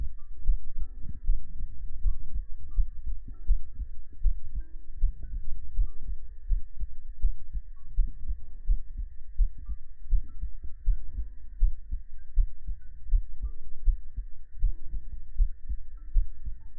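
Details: Heart-sound segment of a sleep ASMR stream: steady low thumping at about 80 beats a minute under a soft hum and faint tones; normal heartbeat.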